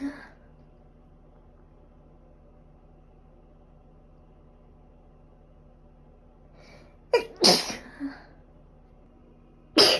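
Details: Sneezing in a person with a cold and allergic rhinitis, runny and stuffy nose, and fever for five days: after a quiet stretch, a short burst of sharp, explosive sneezes, another starting at the end, in a small quiet room.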